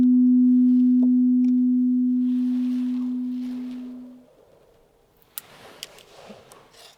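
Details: A steady pure beep tone sounds for nearly four seconds and fades, followed by faint clicks and room noise, during a right-ear-only mixed sounds hearing test at a real Thai ear clinic; audiometry test tone.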